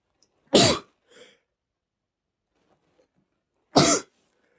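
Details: Adult male sneeze after accidentally breathing in dust from bags in a shed; sneeze.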